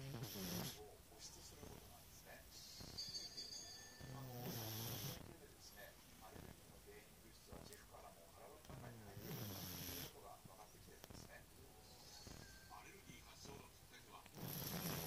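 Loud, rough rattling snores on each in-breath, about four in fifteen seconds, with quieter breathing between; ordinary snoring.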